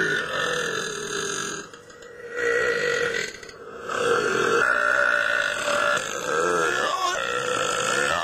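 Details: Deliberate burping during a burping contest: a long, loud, rumbling belch held for several seconds, pulsing slightly as it goes.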